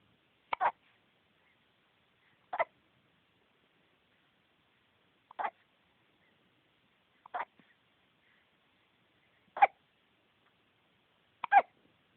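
Six brief, abrupt gulping sounds roughly every two seconds, about 31 a minute, consistent with a run of hiccups.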